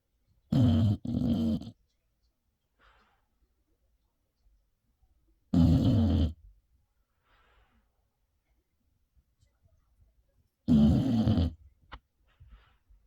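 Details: Rough, rattling snores in long bursts, about one every five seconds with quiet gaps; a dog fallen asleep with a pacifier and cushion in its mouth, snoring.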